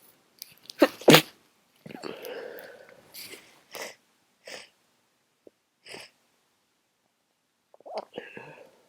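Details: Very congested, tired sneezes in a person who is sick again: a pair of sneezes followed by sniffles and nasal breaths.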